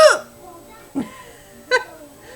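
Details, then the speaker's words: Adult's loud hiccups after drinking a soda, three abrupt voiced gulping 'hic' sounds in quick succession; hiccups. "and it usually makes my kids laugh because they're really loud so I thought I'd share with you"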